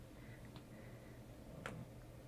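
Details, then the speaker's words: Joint cracking (cavitation) from an adult: two brief, sharp pops over quiet room hum, captured with binaural audio. "Now, oh, did you hear that? That was my bones cracking. Oh, should we do that? Do you like that? Like, cracking joints?"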